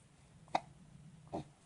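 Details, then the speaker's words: A baby with hiccups after spitting up milk, father talking: two short, abrupt throaty catches under a second apart in a quiet room, typical of hiccups. "you heard spit all over you had stepped all over your milk come out milk came out you have the hiccups"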